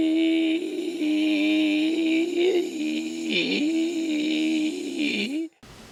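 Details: Irregular air leak from asymmetric vibrating segments of the vocal cords, with two pitches heard at once and rough hoarseness; diplophonia.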